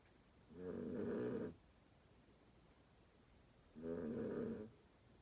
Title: My snoring dog